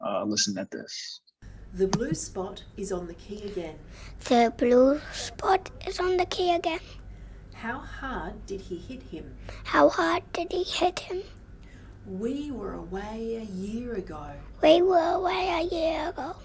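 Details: Real patient with a strained voice: words start out normally, then the voice eventually gets cut off and strained; strained voice (dysphonia).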